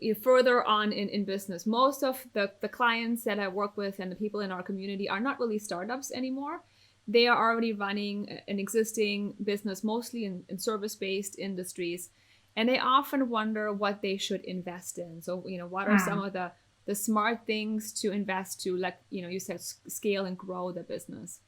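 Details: Adult woman speaking; normal voice.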